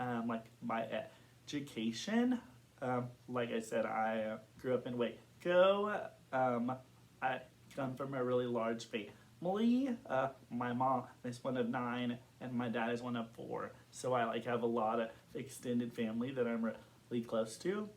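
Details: Adult man who has stuttered since kindergarten; stuttering.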